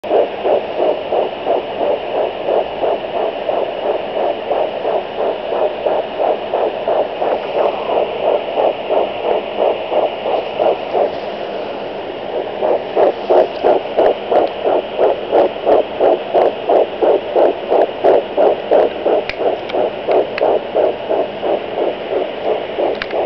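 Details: Handheld Doppler at just under 10 weeks of pregnancy: rapid, regular whooshing fetal heart tones at roughly 150–170 beats a minute.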